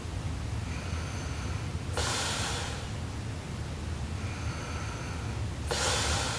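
Two loud, harsh, noisy breaths about four seconds apart over a steady low room hum, typical of heavy snoring during sleep.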